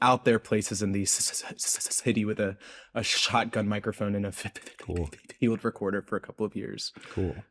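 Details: Adult man's real, self-reported speech impediment, present throughout the interview; this clip has word repetitions; stuttering-like disfluency.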